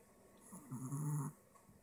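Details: Apple Head Chihuahua with a short snout, prone to occasional breathing problems in heat, giving a single low, rattling snore-like breath in a quiet room; snoring.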